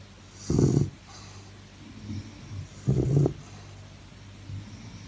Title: Snoring sound sleep